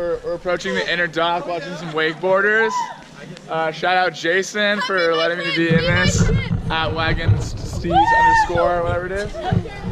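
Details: Adult speaker outdoors; normal voice.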